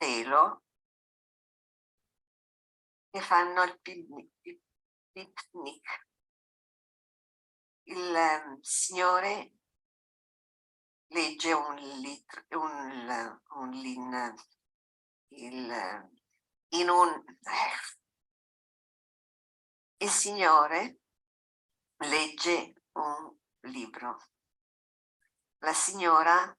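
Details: Italian-speaking typical case of logopenic variant primary progressive aphasia: slow speech with many pauses, good articulation, phonological approximations to target words (conduite d'approche), a phonological rather than motor speech disorder.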